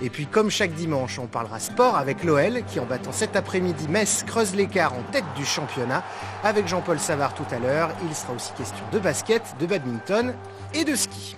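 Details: Adult news presenter; normal speech.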